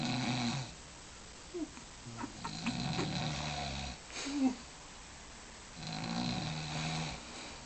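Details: Woman caught snoring asleep while the film Office Space plays: repeated rough, rumbling breaths with brief snorts between them, over film dialogue.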